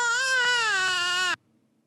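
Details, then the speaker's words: Newborn baby girl crying, recorded when she was a newborn: a single sustained cry about a second and a half long with a clear, steady tone. "Now, can we just hear what the baby sounded like? Let's hear just the baby. I'll mute the synthesizer, and here's just the baby."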